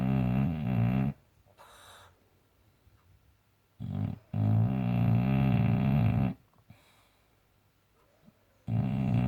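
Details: Snoring boxer dog: loud, deep rattling snores in long bursts with quiet pauses between breaths.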